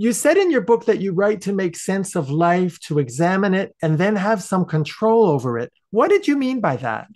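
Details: Adult male speaker; normal voice.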